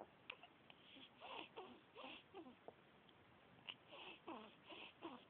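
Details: 10-day-old baby girl with hiccups after breakfast, fussing: repeated short, rising cries and whimpers broken by a few sharp catches; no clear hiccups stand out; infant cry.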